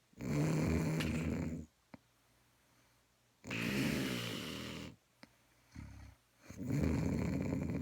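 Loud, rough, low snoring sounds on the in-breaths, separated by quiet pauses. About three snores, consistent with ordinary snoring.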